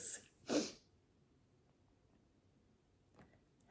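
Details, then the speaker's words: Adult woman coughing during a recorded spiritual reading, two short sharp bursts in quick succession then a faint third, in a quiet room; cough. "oh I want to fight through this cough everyone send me send me love through the quantum verse"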